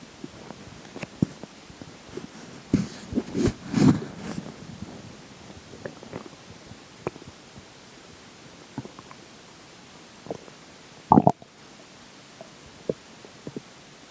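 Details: Stomach growling during digestion, as the water and air take major effect: soft gurgles and bubbling rumbles in scattered bursts, with a louder gurgle near the end; bowel sounds.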